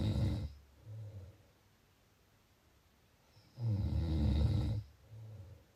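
Loud, low rattling snores on breathing in, with softer breaths between and a quiet pause; ordinary snoring.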